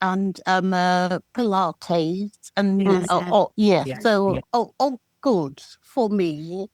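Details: Adult with aphasia since a stroke 13 years ago, with understanding good, reading and writing unaffected, and knowing what to say but unable to say it: aphasia.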